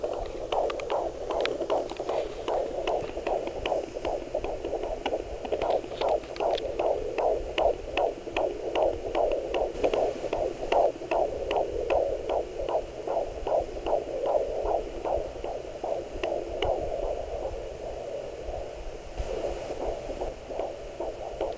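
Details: Normal fetal heartbeat on a Doppler monitor at 15 weeks of pregnancy: rapid, regular whooshing pulses at about 150 beats a minute; baby moving.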